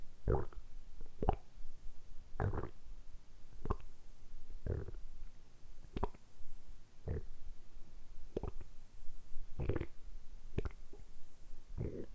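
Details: Stomach rumbling made on purpose by an adult man working his abdominal muscles; repeated low gurgling rumbles, about ten in twelve seconds, ordinary harmless borborygmi.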